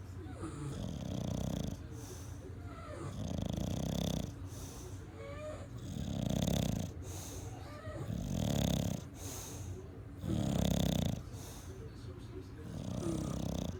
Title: Opie Snoring